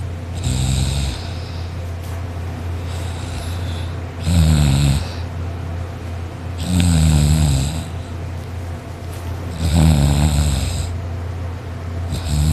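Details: Person who fell asleep on a couch during a nap, snoring loudly and drooling, with a sore throat afterwards; heavy, coarse, rattling snores about 22 a minute over a constant low room hum.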